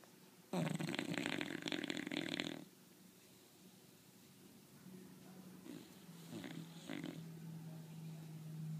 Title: Bulldog snore